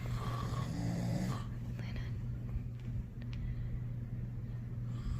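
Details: A sleeping father snoring loudly, with deep, rough snores and a low hum in the room; ordinary heavy snoring.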